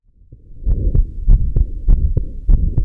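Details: Combined aortic stenosis and regurgitation: a systolic murmur at the heart base and an early diastolic murmur at the left sternal edge, heard as rumbling filling both phases of the cardiac cycle.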